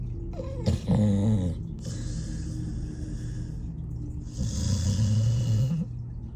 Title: 13yo Dog Snoring in His Sleep Compilation, Rescue Pit Bull Snores Like Old Man, Cute Pittie Snores